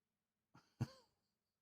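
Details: A cat's small sneeze: a short inward snuffle, then a quick sharp nasal burst, in a quiet room.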